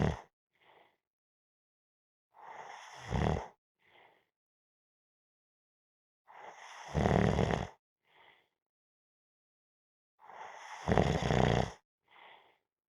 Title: Napping -Snoring Sounds